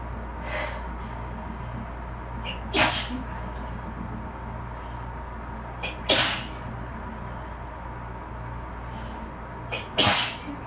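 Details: Person sitting in the bath after cleaning with bleach, to which they are allergic: three sneezes, each with a quick breath in before, over about ten seconds in a quiet, slightly echoing room; repeated allergic sneezing.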